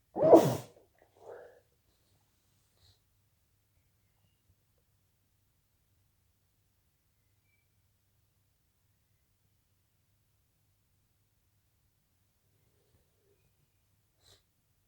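One sharp, forceful sneeze, then a softer follow-up breath and long silence; an ordinary sneeze.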